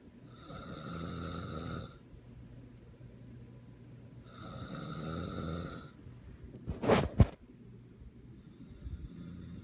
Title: snoring